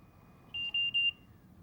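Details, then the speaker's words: Trilogy 100 portable ventilator, start/stop button pressed to begin therapy: a short series of three high electronic beeps, the audible indicator that therapy has started, while the alarm LEDs briefly light. This is the normal startup tone. "the display screen and the backlights on the buttons turn on the red and yellow alarm LEDs turn on momentarily and an audible indicator lets you know that therapy has started"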